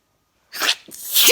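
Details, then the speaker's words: Adult who says the sneezing started again back indoors despite an air cleaner, unsure why, maybe tiredness; a sharp hissing burst then a second rising one; sneezing. "oh dude back inside again and the sneezy snap and the sneezing it started again but i have an air cleaner so i have no idea why i'm sneezing maybe because i'm tired"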